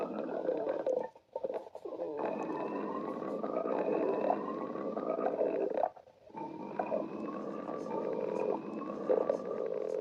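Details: Long continuous gurgling and growling stomach rumbles with rising squeaky tones and two brief pauses; borborygmi from ordinary bowel gas movement.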